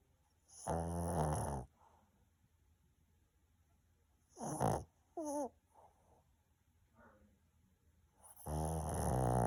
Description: Dog is totally out after eating a big meal. #dogs #snoring #sleeping